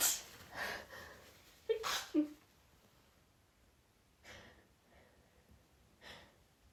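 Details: Woman sensitive to pine-scented candles sniffs them and tries to hold back sneezes: a few stifled, held-back sneezes with short breathy catches, then softer nasal puffs.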